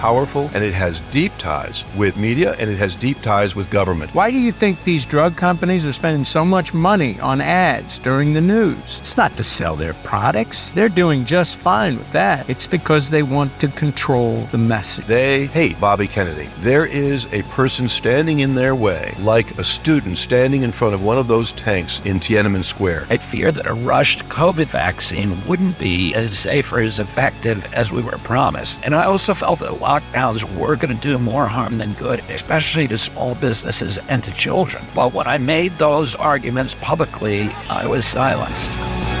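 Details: Spasmodic dysphonia (he calls it spasmodic dystonia) in a 70-year-old man: a neurological voice disorder that makes his voice tremble, with onset at age 42. He also says his voice was very strong until age 46.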